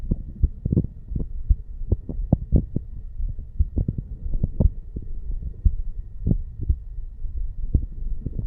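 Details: 35-year-old male's self-recorded heartbeat at the bicuspid (mitral) valve area while sitting on stairs: steady low thuds over a faint background hum; normal heart sounds.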